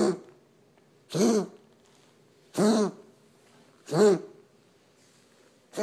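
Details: Pet's coughing spell recorded for veterinarian review: a run of four harsh, honking cough bursts about a second and a half apart.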